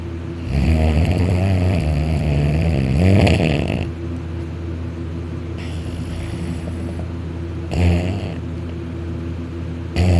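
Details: Dakota napping on the couch on his back, arm over head, mouth open and drooling; loud, rattling snores with each breath, some higher pitched, over a low background hum; snoring, said to be louder when on his back.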